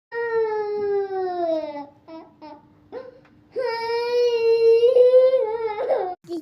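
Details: 3-year-old girl crying in long wailing bursts with brief sobbing catches of breath, wanting chocolate: child crying.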